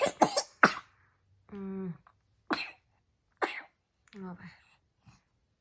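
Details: Person with fever coughing: several short, sharp coughs in bursts, with brief voiced sounds and throat clearing between them.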